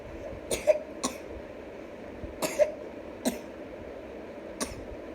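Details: Child's repeated short, dry cough: about five bursts in five seconds, some in quick pairs, against quiet room noise.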